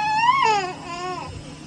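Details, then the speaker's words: Brief, strong, clear newborn cry with rising then falling pitch, provoked by tickling the feet to assess facial expression during a newborn cranial nerve examination; normal newborn cry. "we can just look at his facial expression as we tickle his feet here and we should get a cry"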